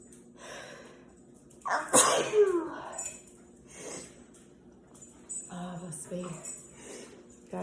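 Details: A single sharp, forceful sneeze followed by a noisy exhale, then quiet voices in a room; sneezing.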